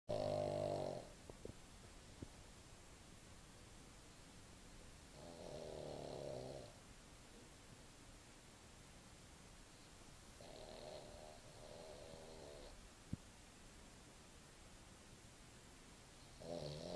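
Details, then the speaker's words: Kirby snoring in sleep, not waking fully or changing position: slow, drawn-out breaths about 12 a minute over steady background hum; snoring. "So you'll still snore in that position. Great. This is what I go to sleep to most nights."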